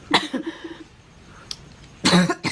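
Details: Adult woman coughing for about 56 seconds, repeated harsh coughs in an ongoing fit; later said she may have been joking: coughing fit.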